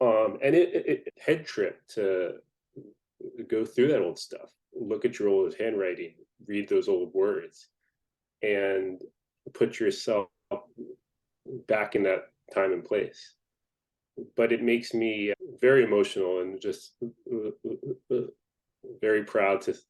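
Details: Stuttering in an adult man who stutters.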